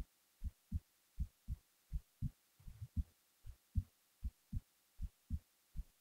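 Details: Low paired thumps at roughly 80 beats a minute with light hiss behind, recorded while falling asleep; an ordinary resting heartbeat.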